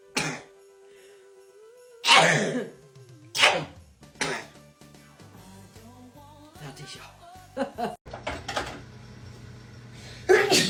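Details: About five sharp, explosive sneezes spread across a compilation of clips, with music in the background; repeated sneezing.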